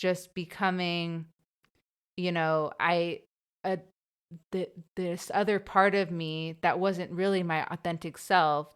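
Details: Young woman who has stuttered since about age two or three, had speech therapy after school and hid her stutter growing up, speaking in an English podcast conversation with part-word repetitions; developmental stuttering.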